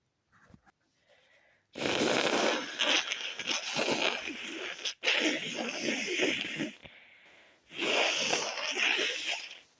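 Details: Stifled sneezes with a very tickly nose after the windows were left open overnight: a few soft catching breaths, then several muffled, hissing bursts through a held-back nose and mouth.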